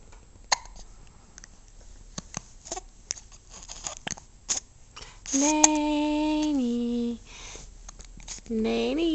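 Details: Young girl gets recurring hiccups again after getting dressed and eating breakfast: repeated sharp, brief clicking gulps in quick succession, with a short sung or hummed tone between them.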